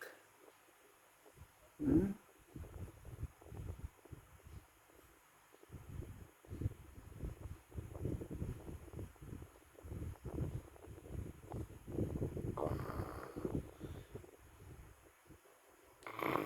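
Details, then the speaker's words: Dog snoring very loudly while asleep: low, rough rumbling breath sounds repeating through sleep, with soft snorts; snoring. "You snore. Precious. You snore so loud. Lakas mo humilik."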